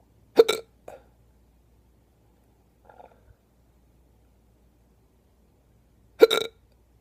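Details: Hiccups: two sharp, abrupt hiccups about six seconds apart, with quiet in between.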